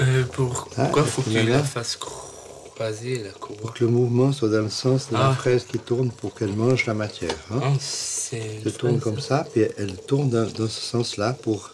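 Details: Adult man speaking French; fluent speech.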